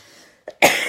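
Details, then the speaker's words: Brief catch of breath, then one short, dry, forceful cough in a quiet room; a nervous cough from an adult woman during a makeup session. "That's what happens when I get nervous. I cough, and I'm nervous about this bold lip."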